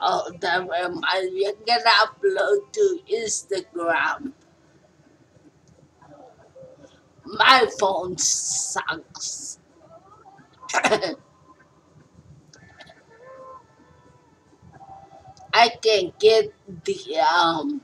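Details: Adult speaker (stroke survivor); post-stroke speech.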